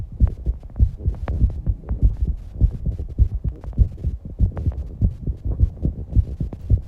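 Rapid, strong low thumping heartbeat near 100 beats a minute with breathing noise; a fast but normal heartbeat after exercise.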